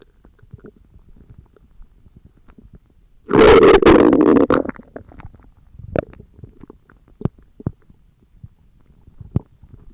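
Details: Stomach growling (borborygmi) recorded for ASMR: one loud, drawn-out gurgling growl over a second long, then scattered faint gurgles and pops.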